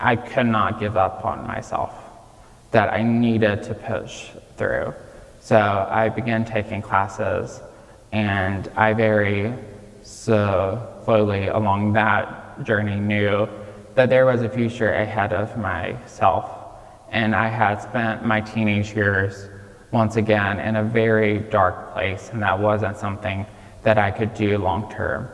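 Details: 26-year-old man with childhood apraxia of speech, diagnosed at age five, nonspeaking until age five, treated with speech therapy five times a week; residual childhood apraxia of speech in adulthood.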